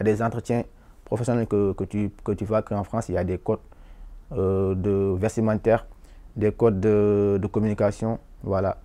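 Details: Adult man from Senegal who has stammered as part of who he is, not from stress, with uncontrollable blocks, tense jaw and forcing effort; stuttering.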